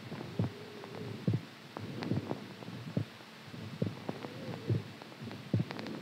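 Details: Strong heartbeat sound recorded during sleep; normal heartbeat.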